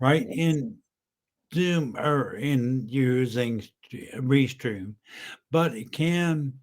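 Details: Adult male stroke survivor about 10 years post-stroke: apraxia of speech, likely identified by his mentor; initially unable to speak and totally unintelligible, now speaking again using strategies learned in speech therapy; residual speech deficit.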